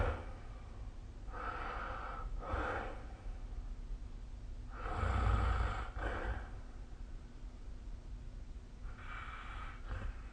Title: 🐽 Snoring Sleep Sound / いびきの音